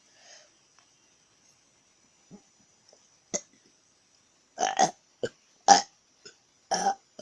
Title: Burps part 2